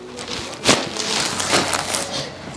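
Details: Patient lying on back, suspected triple compression syndrome (neck, wrist, forearm), during a chiropractic adjustment at C5-6/C6-7: a sharp crack early, then softer clicks; joint cavitation (audible pop).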